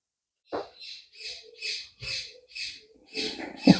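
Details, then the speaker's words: A dog sleeping in the dining room snores in the background: rapid, rhythmic snuffling breaths, about two per second, each a hissy burst with a faint rattly tone. "I apologize if you can hear Bella snoring in the background but there's all sleeping in the dining room"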